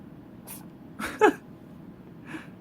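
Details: Kitten with the sniffles, on day 2 in a new home, sneezing: a few small, sharp sneezes and snuffles in a quiet room.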